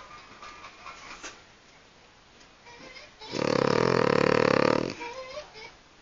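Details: A sleeping dog with soft breathing, then one loud, rattling, buzzing snore lasting over a second: dog snoring.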